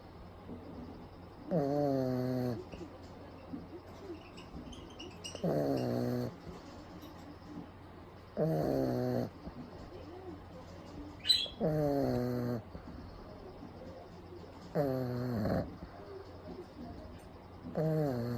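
Loud, rattling snores from a sleeping small dog, about 19 a minute, each lasting about a second, with quiet breathing between.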